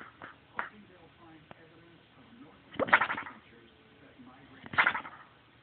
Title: Snoring dog